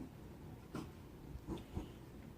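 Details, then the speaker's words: A dog reverse sneezing, a palate muscle spasm making it sneeze inward, apparently not painful: a few short, snorting inward breaths in a quiet room. "I know it sounds like a strange term. I always thought, what the heck? But it's a type of muscle spasm in their palate that causes them to sneeze inward instead of outward."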